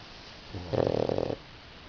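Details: Napping pug: one short, fluttering, snorting snore from a small flat-faced dog, a rattly vibration lasting under a second; snoring.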